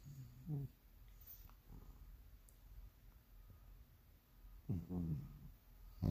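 Low, rumbling rattly breaths in a quiet room, two louder snores several seconds apart; snoring.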